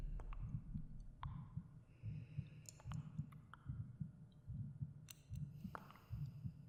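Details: Binaural ASMR meditation recording of the narrator's own heartbeat: soft, muffled, steady low thumps about 74 a minute with faint breathing, clicks and cave echo effects for relaxation and sleep; normal heartbeat.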